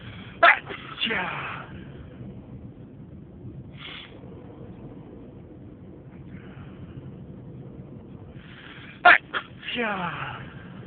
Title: A variety of induced loud and stifled sneezes